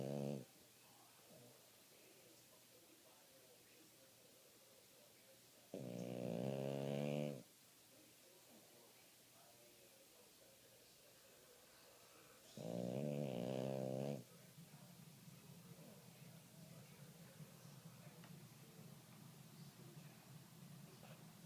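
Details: Sleeping puppy: two loud, rattling snores, each lasting well over a second, in a quiet room with a low background hum; snoring.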